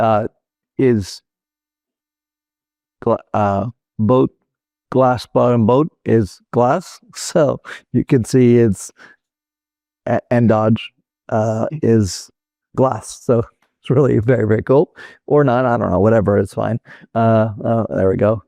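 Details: Adult male former critical care and flight paramedic with Broca's (non-fluent) aphasia caused by a stroke in 2007; finding: Broca's aphasia (non-fluent aphasia).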